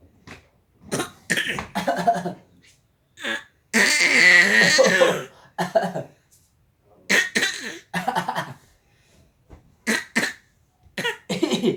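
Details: 6-month-old baby imitating a cough: short cough-like bursts and a longer drawn-out voiced sound, not a true cough.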